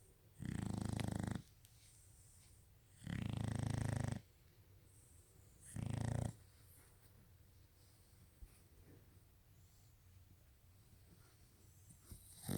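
Three deep, rumbling snores about every 2.5 seconds, then quiet breathing, from a sleeping dog.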